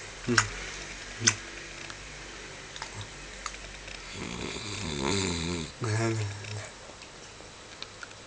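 Rough, rattling snoring breaths with a few sharp clicks and some room noise.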